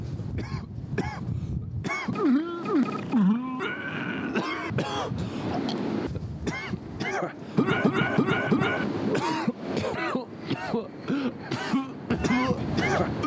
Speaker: I got something in my throat